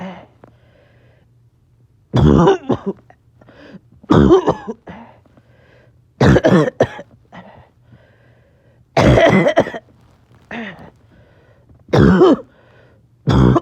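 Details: Harsh, throaty coughing fit in someone slightly short of breath: about six back-to-back bouts of two or three coughs each, separated by short pauses.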